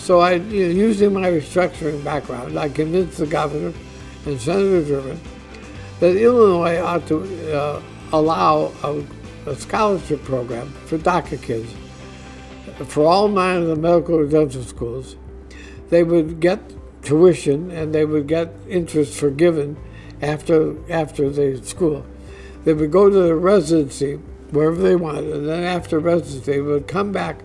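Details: Dysarthria in an adult man diagnosed with ALS (Lou Gehrig's disease), which he says is audibly affecting his voice; he expects only a few more months of being able to work.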